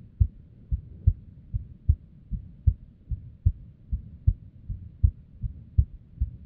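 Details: Female's unstable resting heartbeat: low heart thumps with uneven spacing between beats; abnormal, irregular heartbeat.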